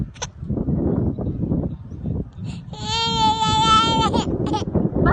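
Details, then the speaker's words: Baby crying: a short, clear, high-pitched infant cry lasting about a second, over an adult talking and loud room noise. "Bakit ka umiiyak? Anong sinasabi mo?"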